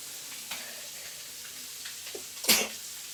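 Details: Sneezing challenge, apparently with snuff: a few faint sniffs, then a single sharp, hissing sneeze burst over quiet room noise.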